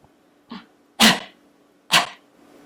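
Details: Voluntary cough demonstrated by a voice specialist after throat clearing: two sharp, forceful deliberate coughs after a brief throat sound, shown as straining the voice box with arytenoid tension.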